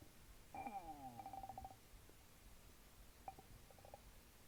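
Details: Recorded over the stomach while drinking a small can of Sprite: a squeaky falling gurgle breaks into quick bubbling pops, then scattered softer clicks and bubbles in a quiet room, as the soda fizzes down: active bowel sounds.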